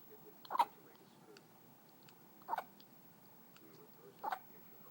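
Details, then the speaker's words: Newborn girl less than one day old, 7 lb 11 oz, having hiccups: three brief, sharp hiccups about two seconds apart, roughly 30 a minute, in a quiet room. "oh those hiccups miserable thing baby I don't know how you get rid of baby hiccups"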